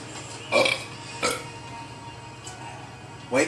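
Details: A man with hiccups tries an old-school cure using something cold; three abrupt, brief gulping sounds over a few seconds against room noise, and the hiccups then stop.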